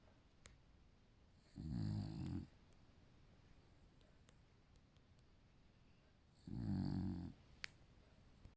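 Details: Dog sleeping soundly and snoring: two low, rumbling snores separated by a long quiet exhale pause.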